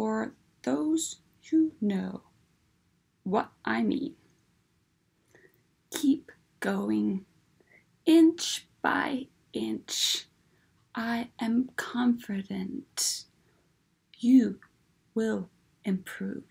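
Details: Adult woman with aphasia, apraxia and alexia after a massive stroke in August 2015; aphasia with apraxia of speech.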